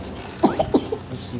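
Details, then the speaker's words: A young girl, ill with a cough, at the doctor's: a short burst of about three quick coughs. "tuh sakit. lagi sakit batuk."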